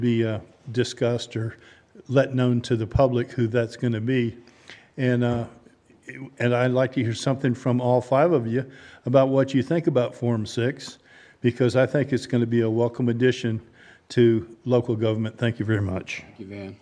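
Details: Adult man speaking; Normal adult male voice.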